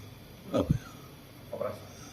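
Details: Lung cancer patient with a hard, enlarging right-sided neck lymph node swelling for months, biopsied, radiation advised: central airway obstruction causing stridor, two brief, harsh, slightly high-pitched noisy breaths.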